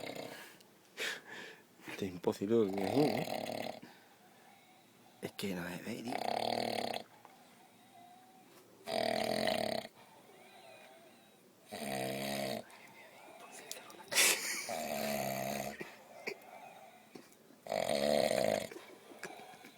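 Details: Person snoring very loudly at night in the middle of the woods, keeping companions awake: loud, rattling, fluttering snores about every three seconds over outdoor night noise and quiet talk.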